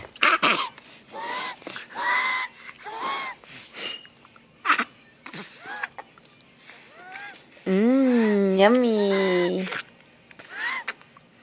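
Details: Sick baby drinking water from a bottle, with wheezing breath sounds.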